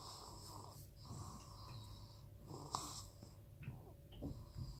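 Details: Nightly snoring, described as not really loud: quiet snoring breaths with faint whistling, snorting edge over low room hum.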